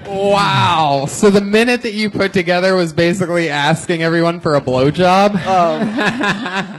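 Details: Adult male speaker; normal speech.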